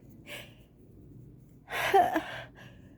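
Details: Person who says they feel very sick has an allergy sneeze: a quick, sharp intake of breath, then a loud, explosive sneeze.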